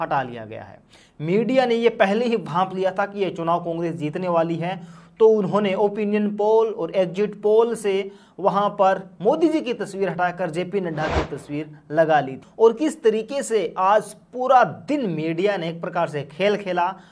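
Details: Adult male speaker; typical speech.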